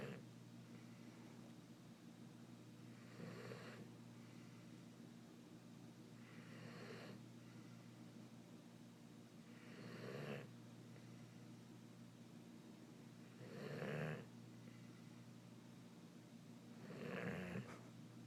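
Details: Soft rhythmic snoring, about five snores spaced roughly 3.5 seconds apart, over a steady low room hum; snoring.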